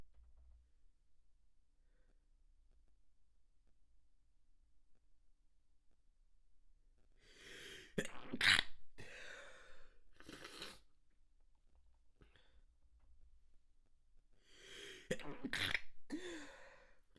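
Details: Manually induced stifled sneezes, nose extra sensitive: a quiet room, then two bouts of sharp, muffled bursts of held-back sneezing.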